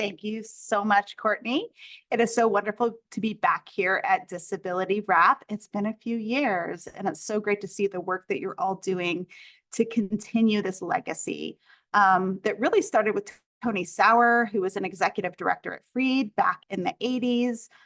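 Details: Adult woman speaking; normal speech.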